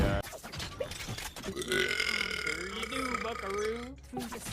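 A loud, drawn-out voiced burp of about two seconds, with game or music sounds behind it.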